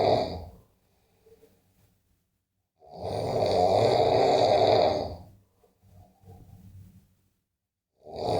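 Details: Snoring sounds, from Indonesia.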